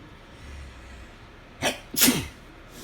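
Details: A person sneezing in bed, which they put down to the weather changing; their nose is still tickling afterwards.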